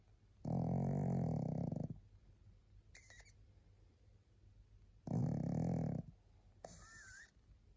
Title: Tired little pug snoring to help you sleep